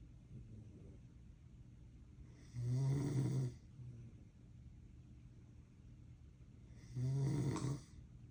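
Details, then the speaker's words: Person caught snoring by their mother: two deep, vibrating snores on the in-breath about four seconds apart, quiet breathing between. "I told my mother I don't snore, but she caught me doing this."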